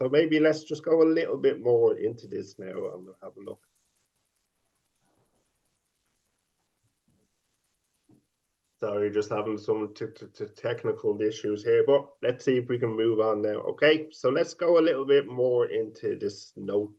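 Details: 50-year-old man who has stuttered since age five; stuttering with sound repetitions and prolongations.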